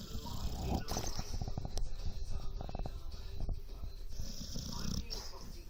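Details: Low rumbling snoring from a dog sleeping while supposedly on guard, mixed with room noise.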